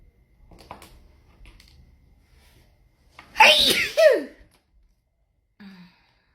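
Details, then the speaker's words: Sneezing fit with no known trigger: quiet breathing, then a loud double sneeze in quick succession and a soft sigh, part of repeated sneezing that goes on and on. "I go again, another sneezing fit. Oh gosh, it's that's it. That's all of it."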